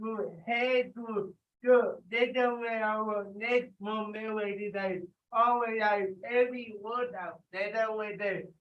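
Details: Adult with cerebral palsy speaking during a live group workout session, told to talk loudly; dysarthria (cerebral palsy).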